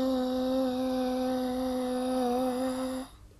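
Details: Seven-year-old girl with childhood apraxia of speech practicing a sustained vowel in therapy; childhood apraxia of speech, sustained vowel practice.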